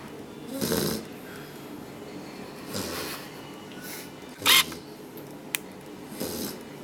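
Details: 9-week-old puppy sleeping after play: soft snuffling snores every few seconds with a brief snort; snoring.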